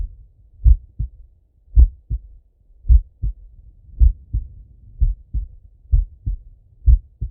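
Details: Adult male heart auscultated with a stethoscope: regular, clean, low-pitched paired lub-dub sounds at about 56 beats a minute, normal heart sounds with a slow rate.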